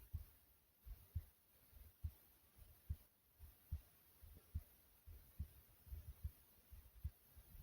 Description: My heart beating softly as i was laying down recording this like comment subscribe and enjoy #heartbeat #smooth #resting